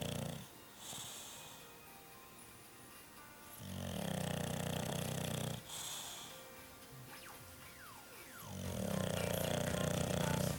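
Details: Snoring English Bulldog sound asleep: loud, rough, rattling snores in long drawn breaths, about three every ten seconds, over faint background music.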